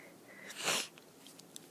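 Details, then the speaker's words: Single partly held-back, muffled, hissing sneeze with faint sniffs from an allergy sufferer who ran out of antihistamines, with watering eyes, running, tickling nose and voice loss, trying to suppress it; allergic sneezing. "This is what it sounds like if I don't take my medicine. And I ran out. I ran out early."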